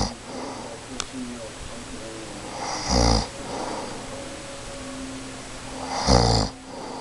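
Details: Adult woman, a mother, asleep and snoring really loud: two loud, rough, low snores about three seconds apart over steady room noise; ordinary snoring during sleep.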